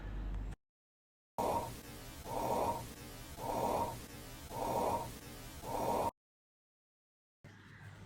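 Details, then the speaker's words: Stethoscope auscultation over the jugular area: rhythmic whooshing swishes with each pulse, about 55 a minute. A vascular bruit from turbulent blood flow, usually caused by arterial narrowing. "Bruid atau murmur vaskuler adalah bunyi yang terdengar dari pembuluh darah akibat adanya turbulensi dari aluran darah yang biasanya disebabkan oleh penyempitan pada arteri. Dan berikut bunyinya."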